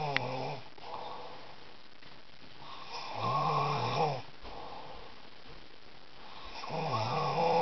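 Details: A man who thinks he doesn't snore: loud, rattling snores on each breath in, about 17 breaths a minute, with quieter breathing between them.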